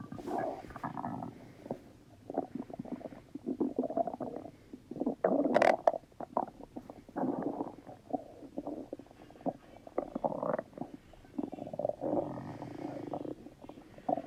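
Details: Stomach rumbling (borborygmi): repeated gurgling, bubbling rumbles in irregular bursts with short quiet gaps, consistent with gas and fluid moving through the gut.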